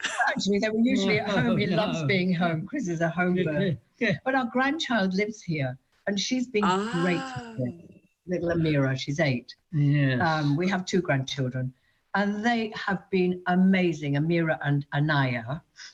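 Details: Adult woman speaking; Normal speech.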